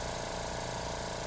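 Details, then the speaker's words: Suction machine running, with steady loud motor hum and rushing airflow, checked as working by thumb over the tubing before tracheostomy suctioning on a training mannequin in a nursing skills demonstration. "so I'm going to turn this on I'm going to check my tubing right here so put your thumb over the section to check it and yes it's working"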